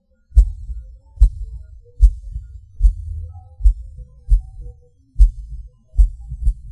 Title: Erratic heart beat. PVC/PAC Sound, Stopping & Skipping/Extra beats